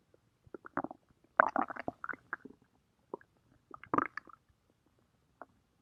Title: Umbrella’s stomach growling